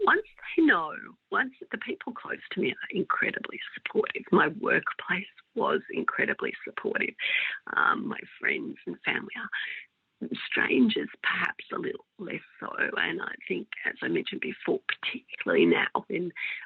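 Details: Woman with mixed adductor and abductor spasmodic dysphonia for about 16 years, treated with Botox injections into the larynx that stop some spasms; spasmodic dysphonia (mixed adductor and abductor).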